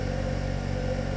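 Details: Steady low mechanical hum with faint rhythmic compressor pulsing from a donated oxygen concentrator running normally, flow regulator adjustable 0–10 L/min, oxygen concentration about 95.5%, dropping to about 90% at 10 L/min.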